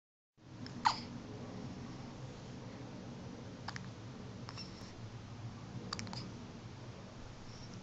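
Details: A young daughter's short, sharp hiccups, several a few seconds apart, in a quiet room.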